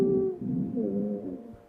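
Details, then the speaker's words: Simulated lung sounds from the lower lobes of the back of a virtual reality asthma patient with shortness of breath: inspiratory and expiratory wheezes, the expiratory wheezes grunting as air is pushed out. "this gentleman has inspiratory and expiratory wheezes but those expiratory wheezes are kind of grunting right like I can hear the alveolar sacs having a hard time pushing air out and it's creating that kind of like grunting on the way out"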